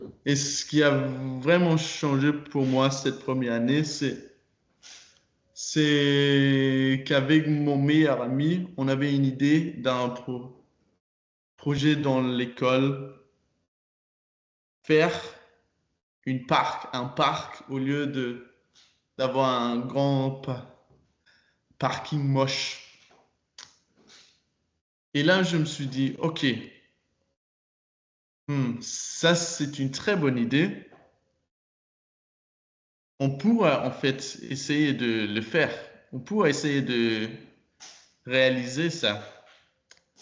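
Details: Stuttering in a 22-year-old man speaking French with repetitions and blocks; his stutter was very strong when he was younger and still affects him.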